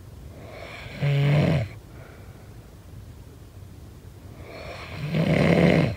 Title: SNORING SOUND